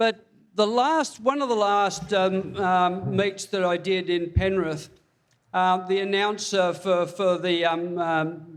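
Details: Speech disfluency with a slight stammer in a man with Parkinson's disease diagnosed February 2022, about three years earlier; reports breathlessness when reading aloud and has had speech pathology.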